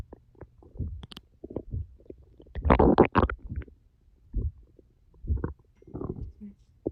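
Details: Irregular low gurgling and rumbling bursts from the belly, louder in the middle, after about 10 hours without food, recorded as ASMR; stomach growling (borborygmi).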